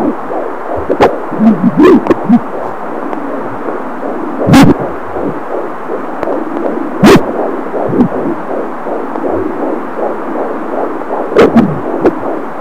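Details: Fetal heartbeat at 18 weeks gestation recorded with an Angel Sounds fetal Doppler: fast, rhythmic whooshing pulses about 150 a minute, with occasional probe thumps.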